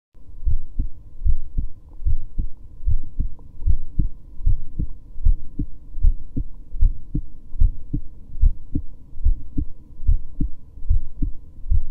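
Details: Resting heartbeat from a woman who reports recently getting tachycardia again: a steady, regular heartbeat at about 75 beats a minute, a normal resting rhythm.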